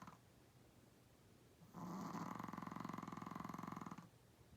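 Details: 8 lb Chihuahua-Pug dog snoring louder than most adult humans: a single loud, fluttering snore lasting about two seconds, rising out of quiet breathing; snoring.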